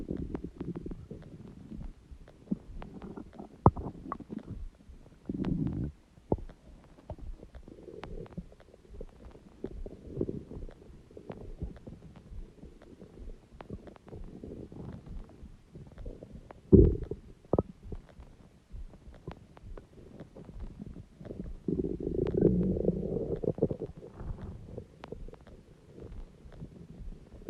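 Loud gurgling, rumbling stomach noises come in irregular bursts, typical of ordinary bowel sounds.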